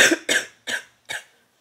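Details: Four short, harsh cough bursts in quick succession from an adult woman pregnant with twins who has COVID-19, with chest pain and an elevated heart rate needing a hospital visit, recorded in a small quiet room.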